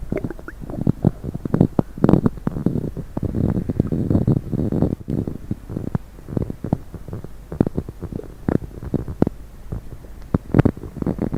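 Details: Stomach noises after drinking coffee and diet coke: continuous bubbling, gurgling rumbles with frequent small pops, active borborygmi.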